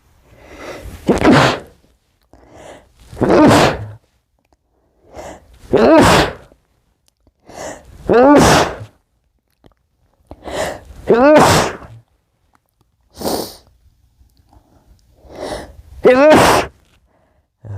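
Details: Seven muffled sneezes, each preceded by short hitching catching breaths, spaced a few seconds apart.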